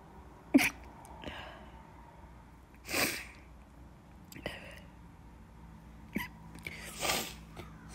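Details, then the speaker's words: Run of sneezes after cleaning in a person allergic to dust, with watery eyes: several sharp, explosive bursts with quieter gaps between, interrupting speech. "So yeah, I did some cleaning, so yeah, I'm allergic to dust, so I'm sorry. I'm sneezing a lot."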